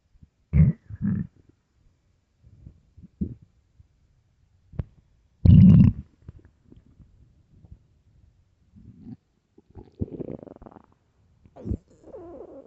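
Scattered low gurgles and rumbles with a few louder bursts between quiet gaps: stomach growling from an empty stomach.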